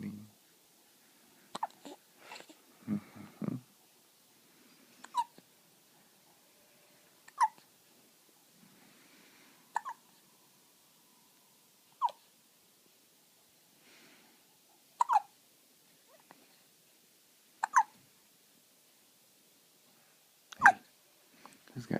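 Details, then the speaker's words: Dog with hiccups: short, sharp, regular hiccup bursts roughly every two and a half seconds. "got the hiccups, buddy? Who's got the hiccups? Those damn things."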